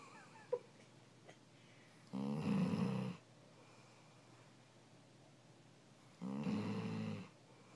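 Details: Female yellow Labrador retriever snoring loudly while asleep: two long, rough, rattling snores about four seconds apart, roughly 15 breaths a minute, in a quiet room.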